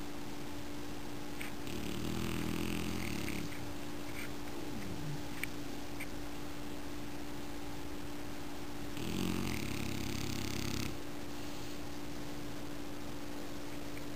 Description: Lego, French Bulldog, 10 Months, sleeps and snores....